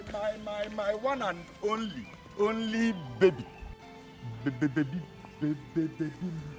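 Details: Male character in a comedy skit portraying a stammerer; stuttering (acted).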